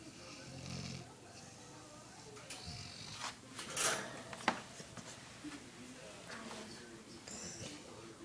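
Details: Dog snoring loudly in its sleep: irregular rough, snorting snores with some room noise.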